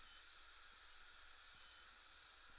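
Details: Steady high-pitched whine of a high-speed dental handpiece continuously cutting composite to uncover the second, shallower screw access of an upper all-on-4 implant prosthesis; dental drill.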